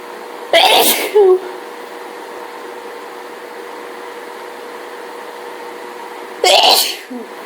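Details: Person in a hay fever allergy fit: two forceful sneezes about six seconds apart in a quiet room with a steady hum; repeated sneezing.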